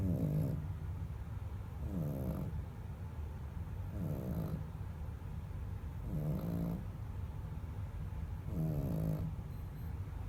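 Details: Sleeping dog snoring: regular low rumbling snores, about 28 breaths a minute, each with a fluttering, rattly tone.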